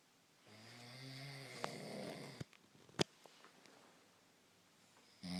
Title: Snore galore